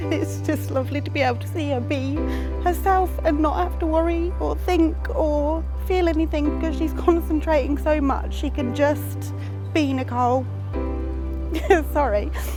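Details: Adult woman speaking; Typical speech.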